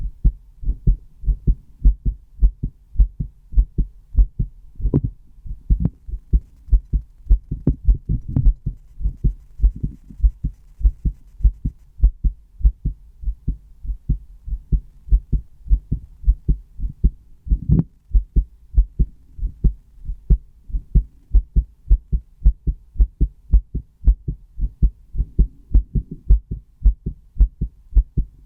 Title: Recording my heartbeat with a stethoscope!